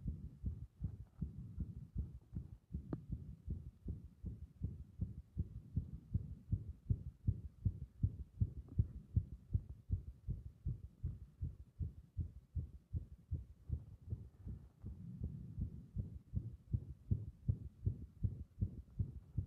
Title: 圧迫で不整脈続発する心臓